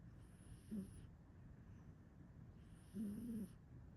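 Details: Cat snoring in sleep: two soft, short snoring breaths with a faint whistle, about two seconds apart, over steady background hiss.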